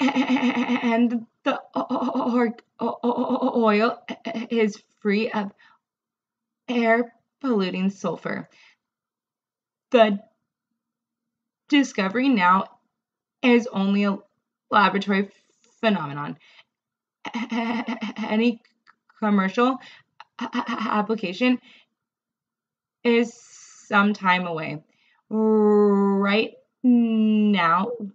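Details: Adult woman, a speech-language pathologist who stutters, reading a passage aloud; she reports much more severe stuttering when reading, unable to swap feared words or use covert avoidance, and struggling a lot with this reading; stuttering.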